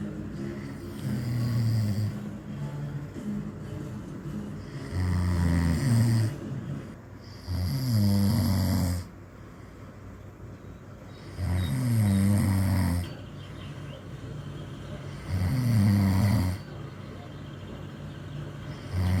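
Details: Snoring by an old man during sleep: loud, regular rattling snores on each breath in, about 16 a minute, over steady fan-like room noise.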